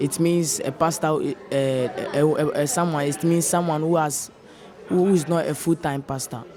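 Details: Senior high school student who stammers, noticed since childhood around age 4–5, described as genetic and running in the family: stuttering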